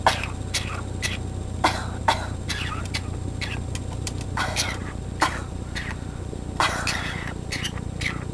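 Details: Green-cheek conure (small parrot) giving a series of short, sharp, funny cough-like bursts over a steady low hum; cough.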